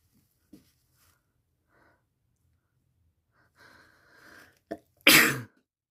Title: Two sneezes